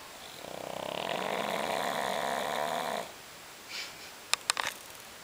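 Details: Pug (flat-faced dog) snoring: a long, rough, rattling breath lasting about three seconds, followed by a few faint snuffles and sharp clicks. Snoring.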